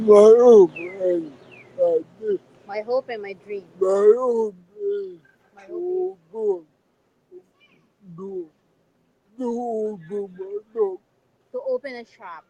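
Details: Adult man with severe cerebral palsy; dysarthria.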